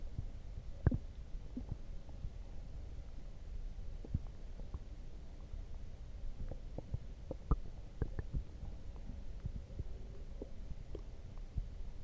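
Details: Stomach growling after drinking coffee: quiet low rumbles broken by frequent short gurgles and pops from the belly; active bowel sounds, normal borborygmi.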